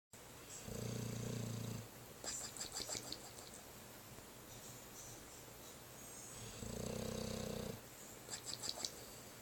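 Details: Dog snoring: two deep, vibrating snores about six seconds apart, each followed by snuffling, whistly outbreaths, over steady room hiss.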